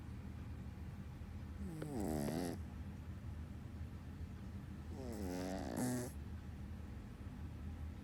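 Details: A sleeping pet dog gives two rattling, buzzy snores about three seconds apart over quiet room noise; snoring.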